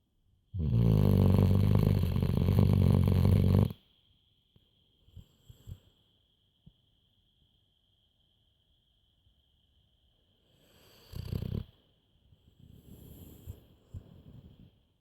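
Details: Snoring from a sleeping black Labrador: one loud, deep, rattling snore lasting about three seconds, then quiet breathing and a softer snort.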